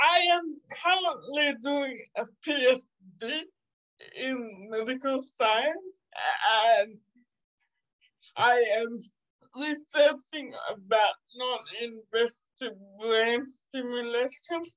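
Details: 27-year-old woman with cerebral palsy caused by severe neonatal jaundice; she was not expected to ever walk or talk; she says it makes her sometimes speak and move differently; dysarthria (cerebral palsy).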